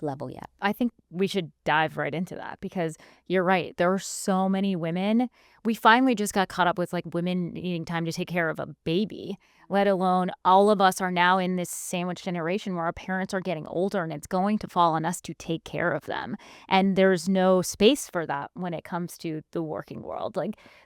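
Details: Adult female speaker; normal speech.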